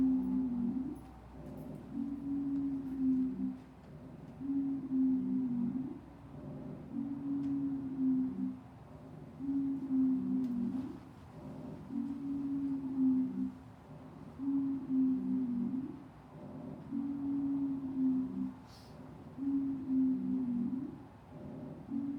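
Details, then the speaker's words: Wheezing: musical, high-pitched whistling tones recur with each breath, about 24 breaths a minute, from a constricted airway, often seen with asthma. "so what does anybody know what wheezing indicates they never went closing yep yep so so a constricted airway so a lot of times we are going to see this with asthma"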